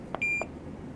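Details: Curlin Pump 6000 infusion pump being programmed for PCA: two soft key taps around a single short, high electronic beep, the keypad confirmation tone.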